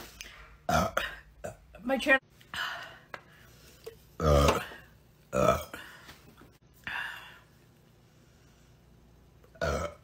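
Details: Several loud, low, gurgling burps among bits of talk in a small room; ordinary belching.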